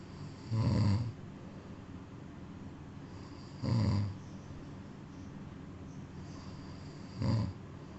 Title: Cat sleeping & snoring